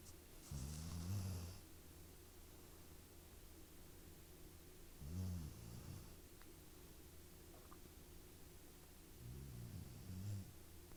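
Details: Snoring: low, rattling snores every few seconds, about 15 a minute, over a steady background hum.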